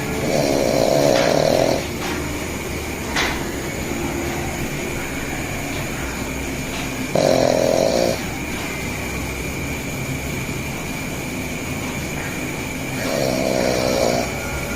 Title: super snore 😱